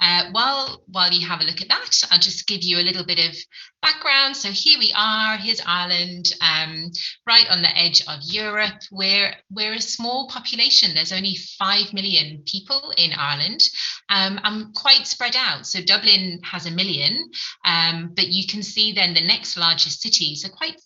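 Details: Adult woman; typical speech.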